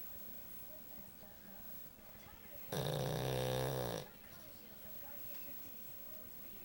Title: Smugie the Pug Snoring